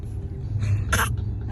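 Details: A baby faking a cough: a short, soft voluntary cough with a fainter lead-in burst, over vehicle rumble.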